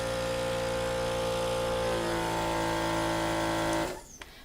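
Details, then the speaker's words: Loud steady motor drone of a portable suction machine from a hospital crash cart, switched on with a green button and pressure set by a side dial, then switched off; the loud noise shows it is working. "and of course you would hear the loud noise that goes when you turn a suction machine on."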